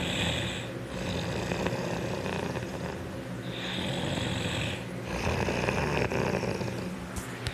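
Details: Father snoring; loud, rough, rattling snores with each breath and a noisy hiss on the in-breath, repeating irregularly.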